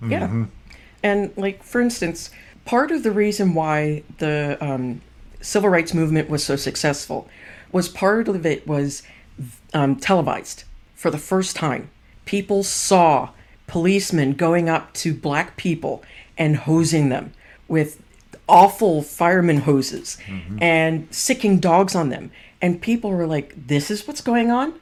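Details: Adult speaker; typical speech.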